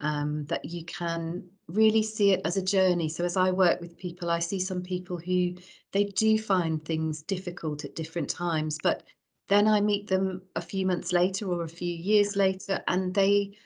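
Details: Adult woman speaking; typical speech.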